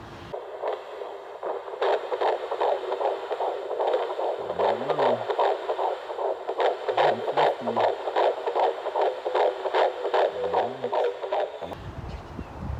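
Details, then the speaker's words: Fetal heartbeat heard for the first time on the midwife's Doppler at 12 weeks, third pregnancy: fast, regular whooshing pulses, about 150 to 158 beats a minute. "baby's heartbeat was between 150 and 158 so that was a little exciting for me to hear"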